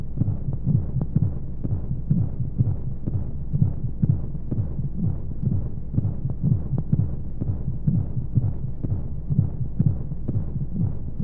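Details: Womb-sound sleep aid for babies: steady soft low heartbeat thumps, about 120 a minute, over a muffled whooshing white-noise hum of flowing sounds, as heard from inside the womb.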